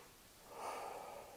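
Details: Normal breath sounds on a patient, stethoscope on the anterior chest at the upper lobes, second to third intercostal spaces, comparing sides.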